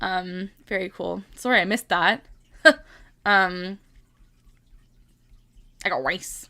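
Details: Vocal tic from long-standing Tourette syndrome in a female streamer who also has OCD and ADHD; an out-of-context phrase is repeated many times.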